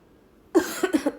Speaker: Sorry, that's a leftover asthma cough from said treats.